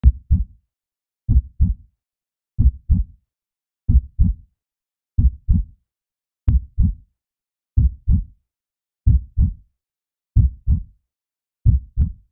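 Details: Heartbeat heard through a homemade 50-foot stethoscope made of level pipe and a balloon: clear, regular paired lub-dub thumps, about 46 beats a minute, in a quiet background; a slow, steady heartbeat.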